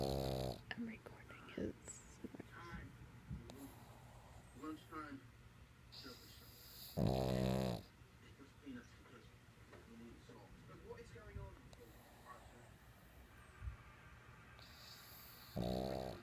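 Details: Short, low snoring bursts from a sleeping dog at the start, middle and end, with quiet room sounds and faint talk between them; snoring.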